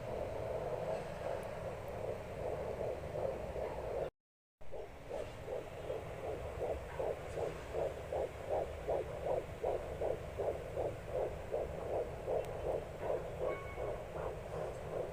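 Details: Home fetal Doppler in the second trimester: rapid, regular whooshing pulses of a fetal heartbeat at about 155–160 beats a minute.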